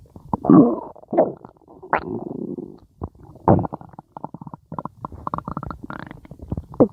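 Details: Cat's stomach growling: gurgling, bubbling rumbles with irregular low bursts and trickling sounds from the belly, borborygmi.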